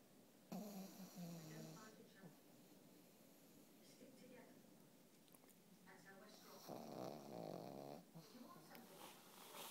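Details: Soft snorting, buzzing breaths in irregular bursts over faint room noise from a pet pug that snores like a human; dog snoring.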